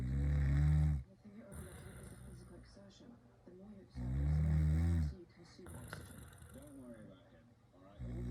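Deep, rumbling snores about every four seconds, with quieter breathing between them; snoring.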